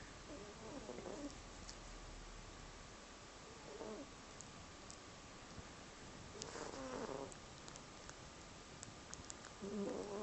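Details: Soft, rasping snorts recurring about every three seconds, roughly 20 breaths a minute, over steady background hiss from a soundly sleeping cat making funny noises; snoring.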